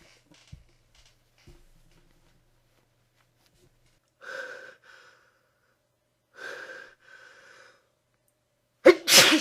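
Two drawn-out voiced 'ah' build-ups, then a loud explosive sneeze burst at the end in a quiet room.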